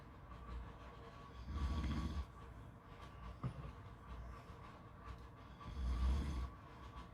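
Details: Two deep, low rumbling snores about four seconds apart over steady beach background noise; snoring during sleep.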